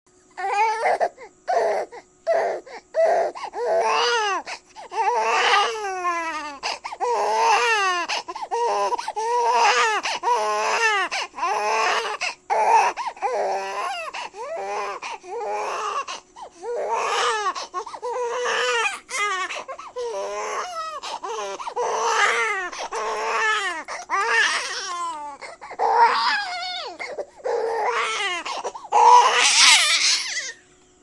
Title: baby crying sound effect HD ²